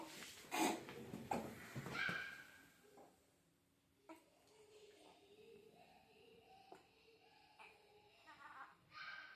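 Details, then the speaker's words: Newborn baby during burping demonstration: typical infant hiccups, also described as the sound of aerophagia and air in the tummy. "so these are typical hiccups in a baby okay and as you can see that sound is also sound of aeroasia and Air in the tummy"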